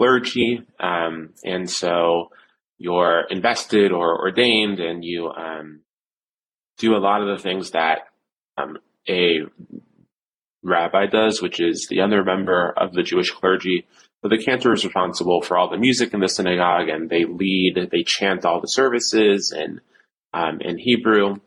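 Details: Stuttering in an adult male cantor with blocks, repetitions and secondary facial behaviours, severe since age seven.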